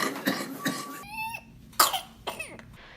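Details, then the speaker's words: Pertussis (whooping cough): bursts of harsh paroxysmal coughing followed by a sudden high-pitched inspiratory whoop; paroxysmal stage following 1–2 weeks of runny nose and mild cough, typically lasting 2–4 weeks. "발작적인 심한 기침이 연속되면 숨이 차기 때문에 기침 끝에 갑자기 숨을 강하게 들이마시면서 특징적인 읍 하는 소리가 발생합니다"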